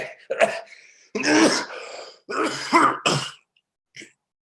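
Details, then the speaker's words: Four harsh, forceful coughing bursts with throat clearing and a gagging strain, a performed coughing, retching cough in a staged monologue about a prisoner's illness. "Yeah, I got this thing, this coughing, retching thing. Can't remember now when it started."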